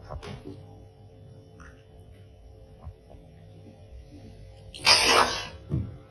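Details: Sneeze from a caracal.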